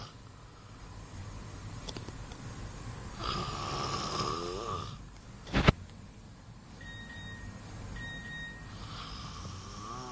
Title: snoring boy